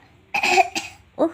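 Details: Young child who has a cough and is taking cough medicine gives three short, deliberate coughs on request, the last one cut off; cough.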